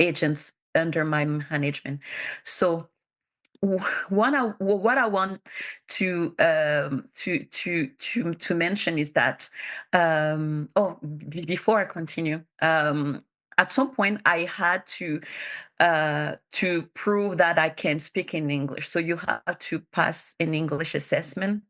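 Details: Bilingual adult woman who stutters; her real conference speech shows sound and word repetitions, consistent with stuttering.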